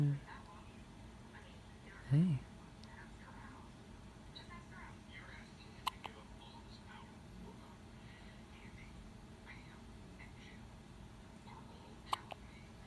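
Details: Baby boy with hiccups: faint, sharp little catches at irregular intervals against quiet room noise, with one brief soft vocal sound.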